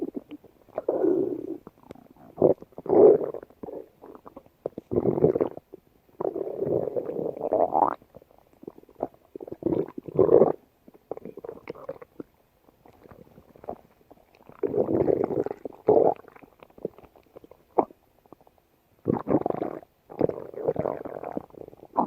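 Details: Stomach growling (borborygmi): irregular gurgling, rumbling bursts separated by short quiet gaps, typical normal bowel sounds.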